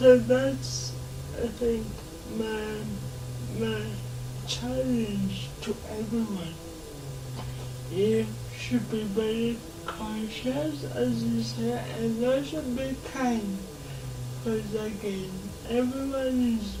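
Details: 26-year-old woman with lifelong cerebral palsy; she reports her speech makes her hard to understand, though she remains verbal; dysarthria (cerebral palsy).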